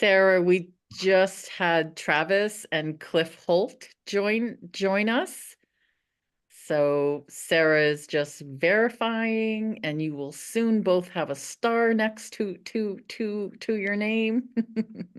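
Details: Stuttering in a woman who stutters; repeated syllables and words are heard.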